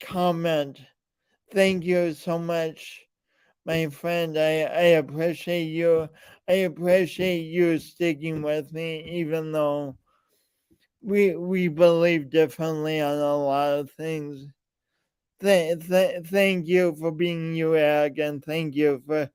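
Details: Man with a speech impediment present since birth, alongside lifelong coordination issues; speech impediment.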